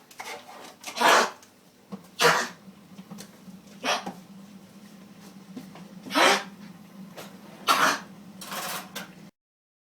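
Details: Yorkshire Terrier with kennel cough: about five harsh, hacking coughs in ten seconds.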